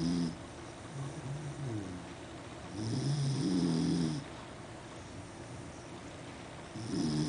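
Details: Sleeping Beagle snoring loudly: rough, rattling, low-pitched breaths at about 17 per minute over steady room hiss; she sometimes snores loud enough to wake herself.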